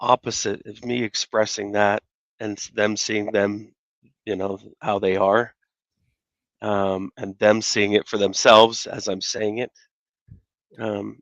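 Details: Adult man speaking; normal speech.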